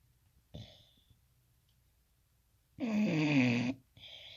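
Loud, rattling snore from a dog, with a softer breath before it and another after it in a quiet room.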